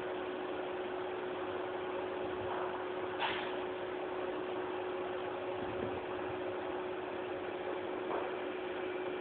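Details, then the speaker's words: Steady low mechanical hum with a constant tone and faint clicks from a plasma donation apheresis machine in its return cycle, pumping blood cells back to the donor, who reports feeling fine. "Вот назад пошел. Откачка назад. То есть циклично аппарат работает."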